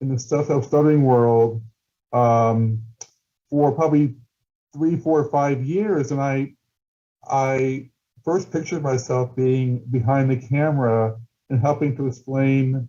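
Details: Stuttering in an adult male documentary filmmaker who stutters, with word repetitions.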